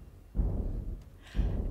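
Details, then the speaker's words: Simulated heartbeat at a resting rate of 60 beats per minute, as when sitting down: soft low thuds about once a second, demonstrated before an arrhythmia that doubled the heartbeat. "so if you're sitting down at 60 beats per minute this is 60 beats per"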